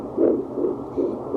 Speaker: You are 17 weeks pregnant, and your baby's heartbeat, which you can hear, is 153, which is absolutely normal.